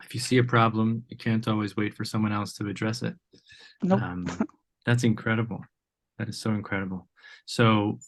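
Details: Adult male speaker; typical speech.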